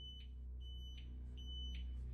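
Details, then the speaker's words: Repeating high-pitched electronic alarm tones over a low room hum: a nursing home patient call light alarm going off in an empty room. "If that wasn't strange enough, the call light, which is an alarm a patient can use to call for help, went off even though no one is inside."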